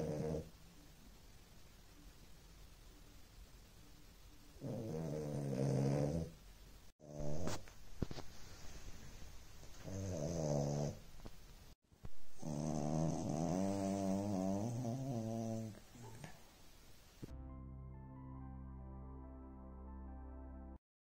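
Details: Sleeping 7-month-old French Bulldog puppy snoring: several separate bouts of low, rattling snoring with a nasal, whining edge; compilation ending with brief music.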